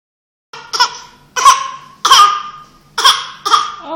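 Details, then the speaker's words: An infant girl gives five abrupt, voiced coughs in quick succession, a choking-type coughing spell; caregiver says she is choking and scared. "Oh, my baby's choked. Oh, she's choked. Oh, God, she's choking."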